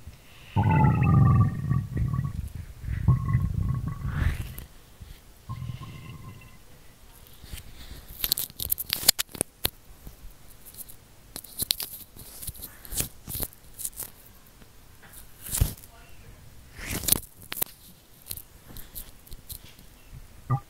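Low gurgling rumbles from the abdomen, then scattered clicks and rubbing: ordinary stomach growling.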